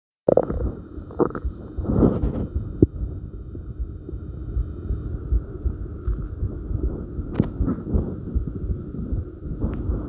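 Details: Own abdomen recorded for stomach growl and heartbeat sounds: low gurgling and rumbling with scattered clicks over steady body noise, ordinary bowel sounds (borborygmi).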